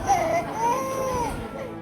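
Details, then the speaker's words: In a Dhaka hospital corridor during a rise in measles cases among children, a young child gives high-pitched wails that rise and fall, with background music: infant crying. "নিস্তব্ধ করিডোরে শিশুর কান্না, ঢাকায় বাড়ছে হামের সংক্রমণ। রাজধানীর হাসপাতালগুলোর নিস্তব্ধ করিডোরে এখন এক অস্বস্তিকর নীরবতা আর শিশুর কান্নার মিশ্র সুর।"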